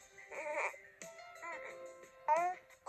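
Three short, whiny infant vocal bursts rising and falling in pitch, fretful but not full crying, over a faint steady tone: infant fussing.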